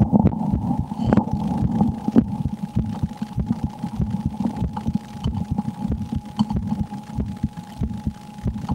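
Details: Rapid, muffled heartbeat thuds of about ninety a minute, under a steady hum and scattered noise, recorded by an ASMR creator during fear while playing the horror game Slender: The 8 Pages; heartbeat.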